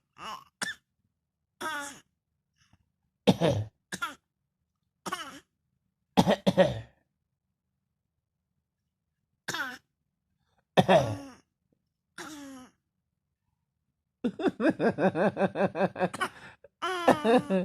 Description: who just discovered how to cough. She has been coughing every minute she get.